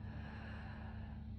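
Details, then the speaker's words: Nursing student's simulated focused assessment, patient taking deep breaths in and out during chest auscultation, pulse 70, SpO2 98% on room air: steady, loud airflow with no crackles, snaps or pops; normal breath sounds. "They sound pretty good. No crackles, no snaps, no pops."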